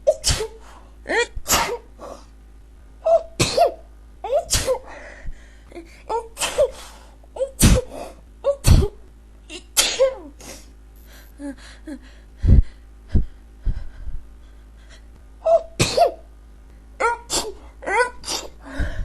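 A rapid, continuous run of many short sneezes, one after another, in a quiet room.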